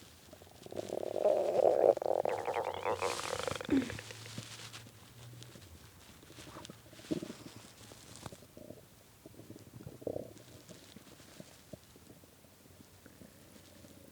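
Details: Very hungry stomach after skipping lunch and dinner, growling badly at 3 am: a long low gurgling growl, then scattered softer gurgles and squeaks; hunger borborygmi.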